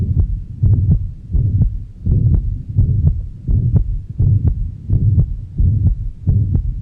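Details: In a heart examination of an adult male with hypertension, who is concluded to have left and right cardiac enlargement, auscultation at the mitral valve area with a stethoscope reveals an added sound, a mitral regurgitation murmur.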